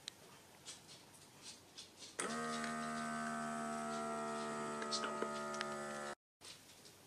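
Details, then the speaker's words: Automatic upper-arm home blood pressure monitor taking a second seated reading (first 106/63, this one 113/68): a steady motor hum starts abruptly and runs about four seconds while the cuff inflates, then stops. "and then what we do is do it again and you write down your next number so you blow it up"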